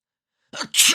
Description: Recursos de audio de gente estornudando, diferentes estilos de estornudo.